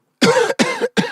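Three quick, harsh cough bursts in close succession from an adult, with a rough, noisy quality.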